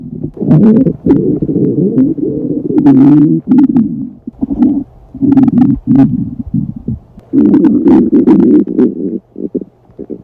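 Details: Girl on a diet, very hungry and holding off eating: long, low, gurgling rumbles in repeated waves with brief pauses, filling the room; loud hunger stomach growling (borborygmi).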